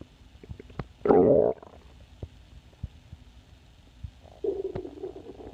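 Two loud gurgling rumbles from an empty stomach with faint clicks between them; ordinary hunger growling, a harmless normal bowel sound.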